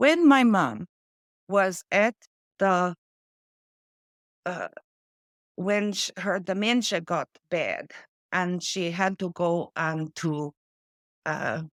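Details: Adult woman with post-stroke aphasia from a stroke affecting her brain's language area, with word-finding difficulty: words drop out mid-sentence and she substitutes old-fashioned or inappropriate words. She also reports foreign accent syndrome: aphasia.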